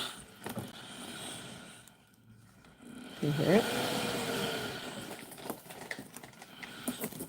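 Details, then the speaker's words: Steady hiss of air from a newly unboxed sleep apnea BiPAP machine running unworn, blowing constantly to keep the airway open, with handling clicks and rustling. "So can you hear all that air? So that air is going into your mouth and your nose, and that's how it works. It's just constantly blowing in there to keep everything open."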